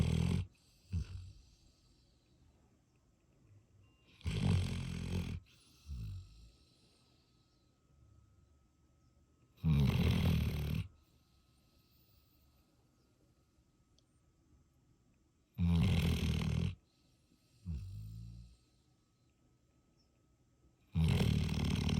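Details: Sleeping dog: loud, rough, low snores on each in-breath, about 11 a minute, with a softer snort between them in a quiet room; snoring.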